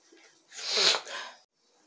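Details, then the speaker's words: Adult mother sick with flu caught from her children, with watery eyes and a runny nose: a single loud, hissing sneeze with a short breath in before it, in a quiet room. "And then cold the day, then I start sneezing, then I start run."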